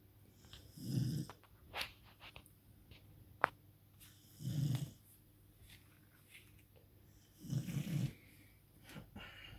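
Three deep, rumbling snores on in-breaths, several seconds apart, with quiet breathing between; loud, ordinary snoring of a sleeping dog.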